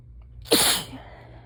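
One sudden, explosive, hissing sneeze with a brief trailing breath; an ordinary sneeze.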